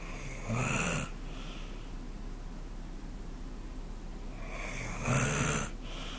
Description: Spooni snoring on the couch